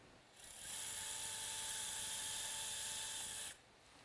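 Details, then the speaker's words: About three seconds of steady high-pitched drill whine, starting and stopping cleanly, as a 2 mm drill bit with a depth stop bores into finger bone for an anchor in a simulated PIP joint collateral ligament tear repair. "Okay, now we'll take our 2 millimeter drill bit again. Then you have a 2.2 and a 2.0 drill bit, depending on whether or not the bone is hard bone or soft bone."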